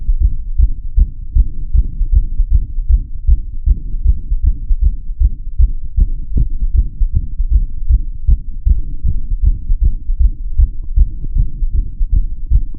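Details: Deep, steady, rapid, regular heartbeat recorded through a stethoscope rather than the usual device, audio processed to sound heavy and booming, with heart rate display.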